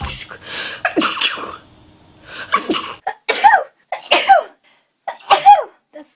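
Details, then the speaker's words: Repeated loud voiced sneezes in quick succession, each a sharp burst after a brief intake, from a person with really bad allergies; ordinary allergic sneezing. "I'm going to sneeze. Sorry. I might sneeze. Choo. Excuse me. I have some really bad allergies."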